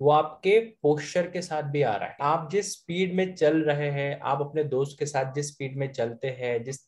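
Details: Adult male speaker; fluent speech.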